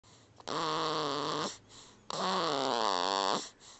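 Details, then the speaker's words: A baby sleeping peacefully in a sling, recorded with a Flip Video camcorder: two long, tonal, buzzing snores on inspiration, about 35 a minute; snoring. "this is sleeping peacefully in his sling this is one of the very few places he will sleep peacefully and i just wanted to record for the noise the sound effects that he he makes during his most peaceful moments"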